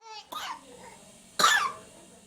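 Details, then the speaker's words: Infant girl with bronchiolitis, who also had bronchiolitis in early July, gives a brief whimper, then two forceful coughs as airway secretions are expelled during a chest physiotherapy session. "séance de kinésithérapie pour soulager les petits et toujours aussi spectaculaire mais très efficace la petite île à doha va expulser tout ce qui encombre et ses voies aériennes"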